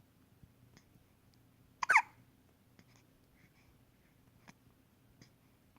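One sharp, abrupt hiccup in a quiet room with faint clicks around it; a single hiccup.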